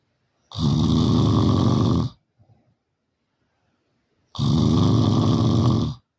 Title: 🤣Loudest Snoring Ever🤣 #snoring #snoringsounds #snoringasmr #snoringtreatment #loud #review #family